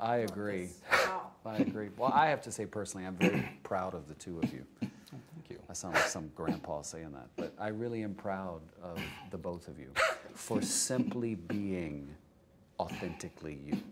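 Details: Adult male speaker; Normal speech.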